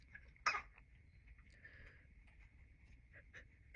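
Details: A single abrupt, explosive burst, throat clearing or a sneeze, then quiet room sounds, from a postpartum woman who says she sneezed about six times in a row; throat clearing.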